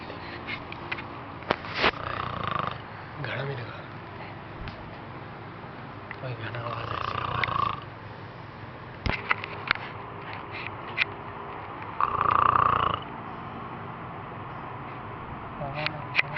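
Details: Snoring: loud rasping breath sounds recurring every few seconds over steady room noise.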